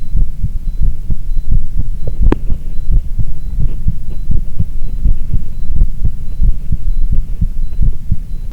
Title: 心電図と心音～ 伸びあり ECG and heart sounds